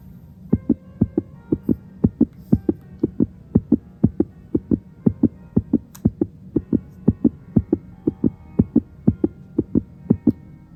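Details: Stethoscope heart auscultation of a child in a simulated pertussis nursing scenario in a droplet-precaution room: steady, crisp paired beats with clear S1 and S2 and no murmur: normal heart sounds.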